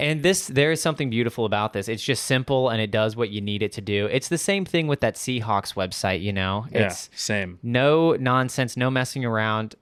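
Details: Adult man speaking; Normal adult speech.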